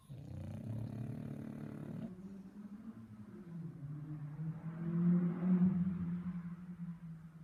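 Long, low, fluttering snore with a rough rumbling quality, typical of a short-nosed dog snoring while asleep.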